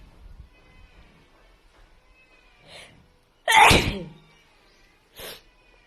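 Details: A soft intake, then one sharp explosive sneeze followed by a smaller sneeze-like burst, from a Filipina woman in a quiet room: sneezing.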